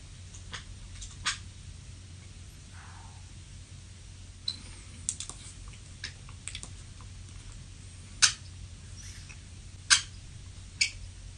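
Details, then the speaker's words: Adult's own overnight sleep recording: scattered sharp clicks, clunks and grinding of teeth over a low hum, with bed creaks; sleep bruxism (teeth grinding). "that sounds gnarly doesn't that sound absolutely insane like you're hearing like gnashing of teeth like clunking and you're hearing this this grinding"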